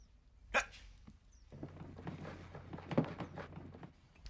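A sudden sharp bark-like yelp breaks a quiet room, followed by soft muttering and room noise; an acted vocal tic of Tourette syndrome.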